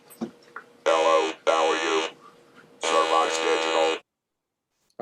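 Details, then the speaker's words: Electrolarynx speech: a flat, mechanical buzzing voice on one steady pitch shapes a few short words, the sound source held against the body surface and carried through the oral cavity, in a talk on voice rehabilitation after laryngectomy. "the source of sound is attached to the surface of the body and it will carry that sound through the oral cavity"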